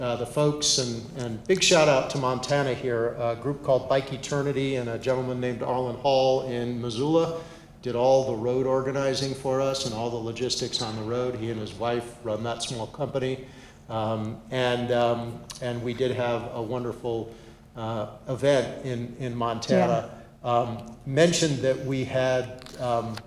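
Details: Adult male speaker; ordinary speech.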